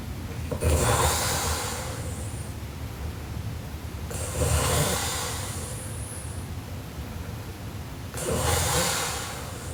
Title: Sleeping Japanese Girl Super Loud Snoring Part 2